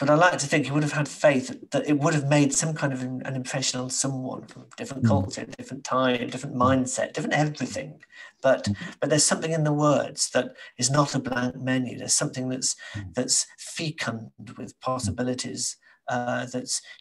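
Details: Adult male author with persistent stammering who says he still stammers and uses techniques to avoid blocking; stammering.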